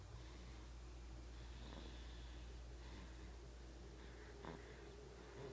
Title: Someone's snoring. Hahaha